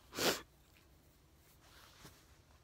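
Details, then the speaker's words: Adult sneezing at bedtime, tired, after feeling the sneeze coming on all day: one sharp, explosive sneeze, then quiet room sound with a faint sniff; described as a different sneeze. "well that was a different sneeze i guess keep you posted love you all bye"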